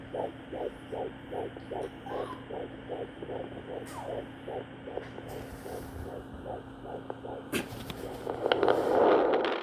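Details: First-time mother, first-trimester appointment; fast regular whooshing beats through a Doppler, about 180 a minute, a fetal heartbeat, fading out near the end among rubbing noise.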